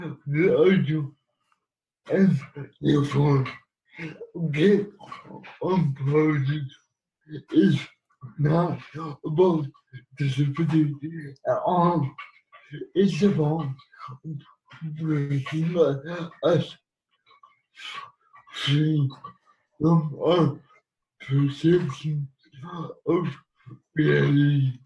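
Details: Adult man living with cerebral palsy who has used a wheelchair most of his life; dysarthric speech in cerebral palsy.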